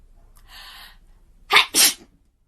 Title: I Solemnly Swear That She is About to Sneeze